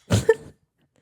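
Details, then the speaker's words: Dog that coughs whenever it drinks: a single short, harsh cough burst while drinking water in the background; cough while drinking. "My dog is in the room with us because I need to keep an eye on him, and he's drinking and he coughs when he drinks. So if you do hear that in the background, that's that."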